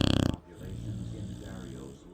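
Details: Snoring from a sleeping Shar Pei dog.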